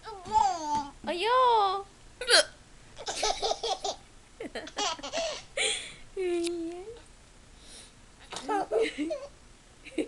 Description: My 16 month old laughing at mommy's hiccups